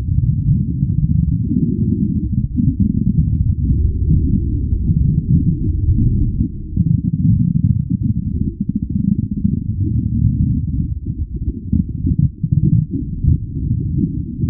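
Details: Stomach growling sound-effect recording: continuous deep, low gurgling and churning rumble with bubbling texture, typical of hunger stomach growls and bowel sounds.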